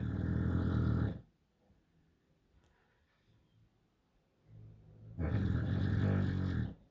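Deep, rumbling snores from a sleeping dog, loud on each breath with quiet gaps between; snoring.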